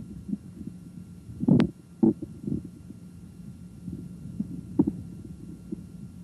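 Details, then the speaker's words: Normal bowel sounds heard with the stethoscope diaphragm placed lightly on the right lower quadrant over the ileocecal valve, during a nursing head-to-toe abdominal assessment: irregular soft gurgles and clicks over a low stethoscope rumble. "begin by placing the stethoscopes diaphragm lightly on the right lower quadrant because the ileocecal valve is in this quadrant bowel sounds are usually audible here listen for at least two minutes"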